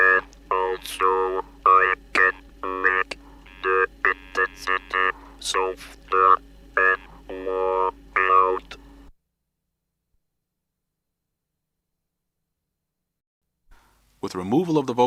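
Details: Speech recorded in 1964 after removal of the larynx, produced with an electric artificial larynx (electrolarynx).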